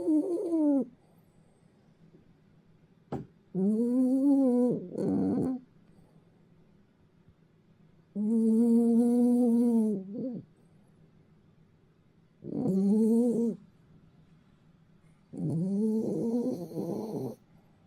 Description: Say hello to Sasha, our lovable male Bichon Maltese, as he enjoys a peaceful nap. His light snoring is simply hilarious and irresistibly cute!